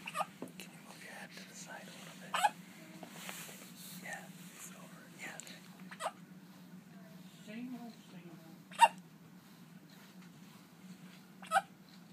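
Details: Three sudden sharp hiccups several seconds apart, with soft talking and room hum in between; recurring hiccups.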